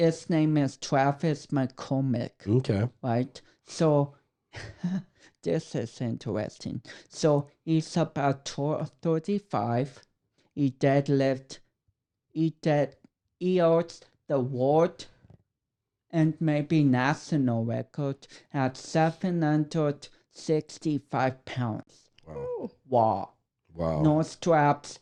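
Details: 32-year-old man with cerebral palsy affecting speech coordination and walking; dysarthria due to cerebral palsy.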